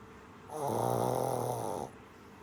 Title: Snoring shih tzu puppy / funny dog videos / cute and adorable puppy